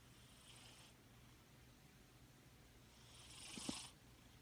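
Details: Female cat snoring lightly with soft hissing breaths while purring with a faint low rumble underneath.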